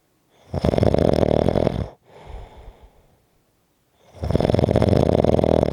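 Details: Strong, heavy snoring: loud, harsh rattling snores on two breaths in, with a quieter breath out between.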